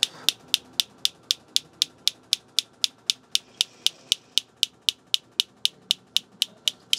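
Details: Crisp, regular snapping clicks at about 118 per minute from a focused shockwave device priming areas near a swollen Achilles heel, with pressure slowly increasing, for heel pain and plantar fasciitis: focused shockwave pulses.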